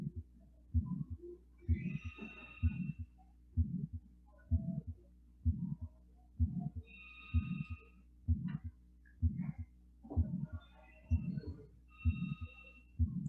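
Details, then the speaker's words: Teaching heart sound on stethoscope: regular lub-dub at about 64/min with a soft rushing sound between beats, like blood leaking back through a hole, timed with the pulse; systolic murmur from a leaking valve, faint background ringing. "Nah, jadi ada suara leps dep ya, leps dep. Ada suara bocor kayak bunyi darah, bunyi kayak bunyi air yang balik lagi ke suatu bolong gitu ya, suatu tempat yang bocor gitu."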